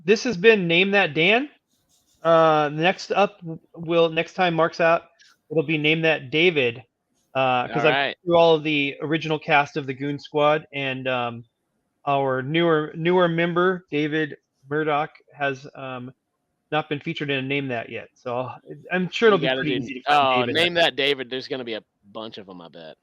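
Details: Adult man speaking; Normal speech.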